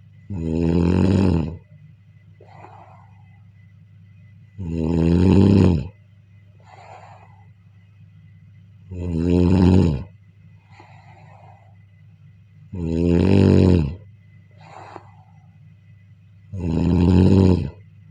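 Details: Regular deep, buzzing inspiratory snores about 15 a minute, each followed by a soft puffing exhale, recorded during sleep: snoring.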